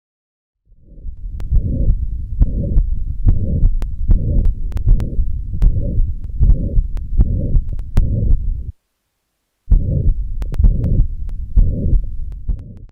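Regular heartbeats with a long, low blowing murmur filling each systole, with a brief silent break; a pansystolic murmur of mitral regurgitation.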